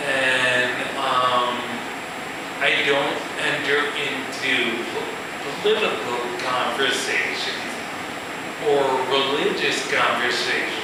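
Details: Male musician with ataxia, a progressive neurological disorder with cerebellar cell death affecting balance and speech, giving a live talk; ataxic dysarthria.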